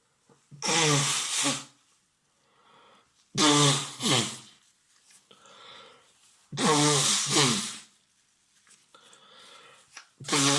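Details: Man with cat allergy after visiting family cats, evening sneezing fit with sniffling and sore throat: three or four loud voiced sneezes, each after an inward breath, with quiet sniffing between; repeated allergic sneezing.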